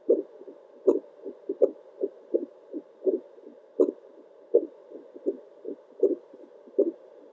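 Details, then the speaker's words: Adult's own normal heartbeat on a home Doppler, recorded around 1 am: steady, consistent whooshing pulses at 80 beats a minute over constant static hiss. "oh i really hope that the static is not too distracting but my heartbeat is definitely pretty consistent 80 beats per minute"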